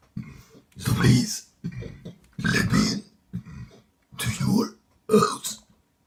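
Several deep, guttural belches in a row with short pauses between them, in a quiet small room. Repeated burping.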